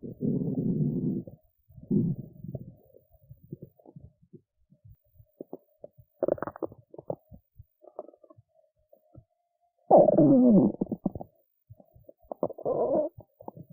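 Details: An adult woman who skipped lunch and is hungry has belly noises: bursts of deep gurgling and a rising squeal between scattered small pops. Hunger stomach rumbling, normal bowel sounds (borborygmi).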